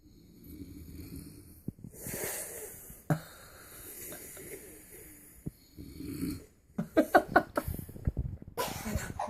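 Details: Person sleeping at 8 p.m. on Christmas Day, snoring: irregular snorting and rattling sleep breaths mixed with bumps and household noise, ending in a run of sharp snorts.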